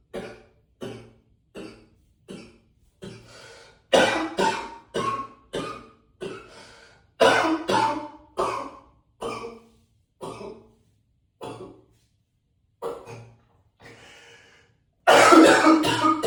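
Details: Coughing up a lung in an echoey tiled bathroom: about 18 harsh, heavy coughs in repeated bursts, a persistent hacking cough.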